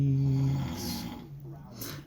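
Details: Male roommate snoring loudly late at night while asleep: a loud, low, rumbling chainsaw-like snore tailing off into quieter breathing noise.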